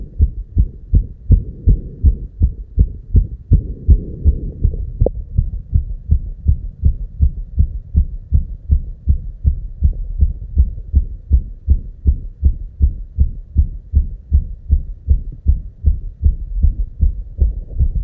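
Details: Very fast, steady, muffled thumping heartbeat with no pauses between beats; real recorded heart sound at 290 beats per minute, tachycardia.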